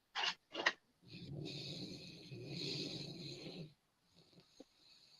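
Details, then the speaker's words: Sleeping pet's long, rough, rattly wet snoring after two short snorts, liquidy and congested; ongoing for 2 weeks, owner unsure if he caught a cold, vet visit possibly next week. "Sleeping? Yeah, but you hear how liquidy it is? Yeah."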